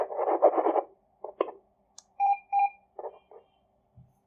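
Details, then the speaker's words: FD01 fetal Doppler with a 3 MHz probe, set to alarm-indicator mode and the plus button pressed to check volume: short electronic beeps and clicks of the alarm tone. "Then on fourth press, this alarm indicator will blink. If you want to hear that sound, press this plus. So you can check the volume level."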